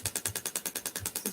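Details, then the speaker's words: Shockwave therapy device pulses, fast even rattling taps about eight a second, from a handpiece placed on the skin during a clinic demonstration; used for tendinopathies and plantar fasciitis. "so that will disperse the shock waves straight through it just depends what i'm doing um and what i'm treating"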